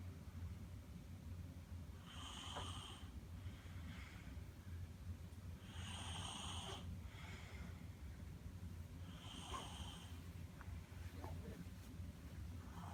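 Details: 5-year-old sleeping: soft snores about every three to four seconds over a steady low background rumble; snoring.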